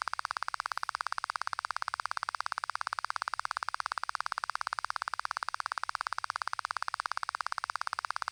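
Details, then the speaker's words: Auditory brainstem response hearing test at a Thai ear clinic, 90 dB click stimuli, delivered to the right ear then switched to the left; fast, perfectly steady train of sharp, loud clicks. "[Préparez-vous, le son arrive dans l'oreille droite] [Ça me chatouille l'oreille. 😆] [Les médecins surveillent les résultats à l'écran] [Le son passe soudainement à l'oreille gauche !]"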